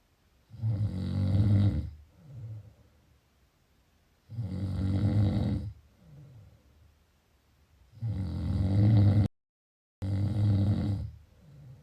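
Deep, rumbling snores on each breath in, followed by softer breaths out, at roughly 16 breaths a minute: snoring during sleep.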